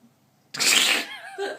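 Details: Woman, after a few drinks on a night out, ordering a takeaway amid hiccups; a single sharp, explosive hiss-like burst followed by a brief voiced tail: one sneeze.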